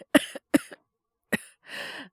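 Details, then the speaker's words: A male voice actor performs a simulated cold with a mild fever of 36.9°C: three short, moist acted coughs followed by a breathy exhale. "ご覧の通りっていうか、お聞きの通りですかね。ちょっと咳出るようになっちゃって。風邪ですかね？"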